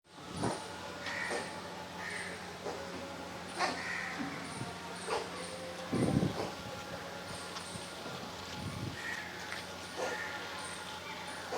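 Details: Snow coughing; owner says she is about to vomit.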